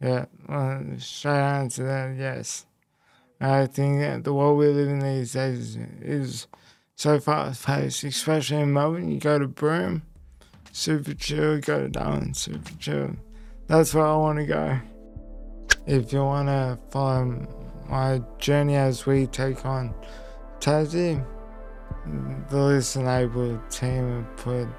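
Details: Male who had a haemorrhagic stroke at age 12 affecting the left brain and right body, followed by a five-week induced coma, with speech most affected and relearned and slower information processing; post-stroke speech impairment.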